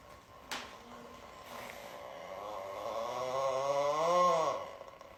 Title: Ranking the Best Snoring Moment #shorts